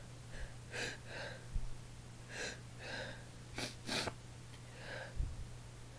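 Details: Woman sneezing during a long sneezing session, throat raw the next day: quiet breathy inhalations, then two sharp sneeze bursts over a steady low room hum.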